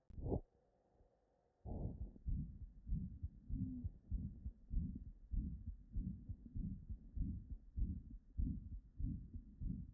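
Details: Live-recorded auscultation with the patient turned to the left: a regular heartbeat near 100 a minute with a continuous blowing sound filling systole, a pansystolic murmur of mitral regurgitation.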